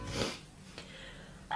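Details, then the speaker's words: Single explosive sneeze with a sharp hissing onset, then quiet room noise. It comes from a sneeze compilation of a YouTuber, who afterwards says she fully went for it rather than withholding the sneeze. "really went for that don't you just hate when you're around people you don't really know and you can't fully go for a sneeze you can't fully commit into the sneeze so you kind of withhold your sneeze"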